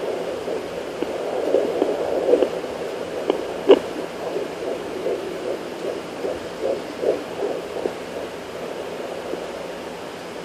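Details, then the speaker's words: Fetal heartbeat on Doppler at 16 weeks 5 days of pregnancy: rapid, muffled whooshing pulses broken by sharp thumps as the baby boy kicks the Doppler probe and keeps moving around. "he's kicking the doppler i don't know if you can hear it but he's kicking the doppler makes me wonder if he ever sleeps"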